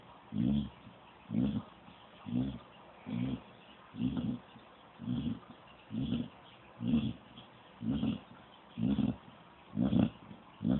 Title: Snoring dog